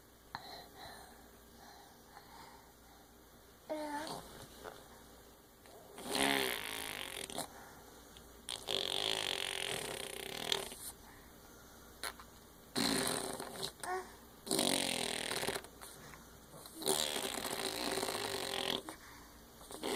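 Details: A sleeping infant girl, recorded just after midnight, makes irregular, noisy snoring and snorting breaths over a faint steady background hum.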